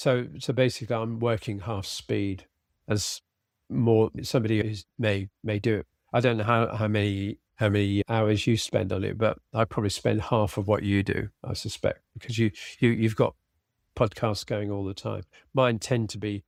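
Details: Aphasia in an adult man following a sudden stroke, treated with speech and language therapy.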